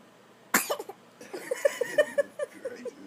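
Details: A girl making a new playful vocal noise, then a big sneeze at the end.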